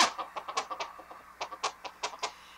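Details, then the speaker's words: Pulsed-wave Doppler demo on a GE Voluson i portable ultrasound, audio on in live mode: rhythmic whooshing pulses at about 150 a minute, likely blood flow in a hand artery; pulsed-wave Doppler flow signal. "there's also an audio here we can change the volume by pressing these buttons once we get into live mode let's go ahead and get our Doppler signal"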